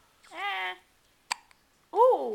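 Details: Baby girl about 2.5–3 weeks old with hiccups: voice, then a single abrupt hiccup click with a brief squeak, followed by more vocalizing; hiccup.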